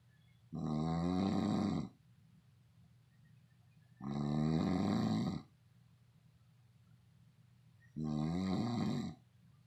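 Three regular, rattling, buzzy snores about 16 a minute, with a faint low hum in the quiet gaps. Steady snoring.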